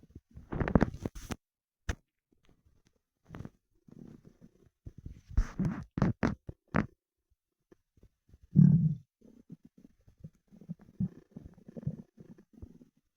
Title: Starving 24 hour stomach rumbling